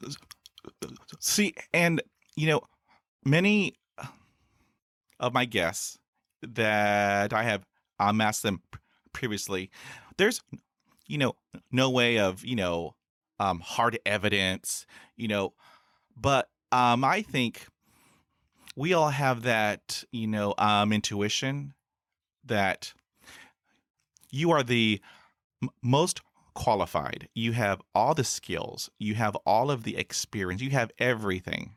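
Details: Real stuttering in an adult man who has stuttered since his school years and has had about 20 years of speech therapy in school, college and the US Air Force.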